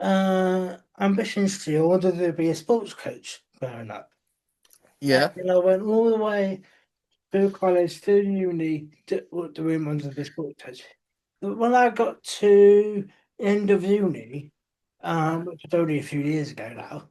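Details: Adult male speaker; typical speech.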